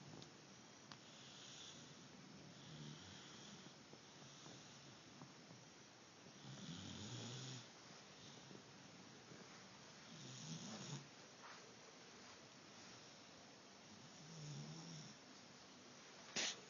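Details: Soft, low rattling snores return every few seconds over steady room hiss while a young girl sleeps; snoring.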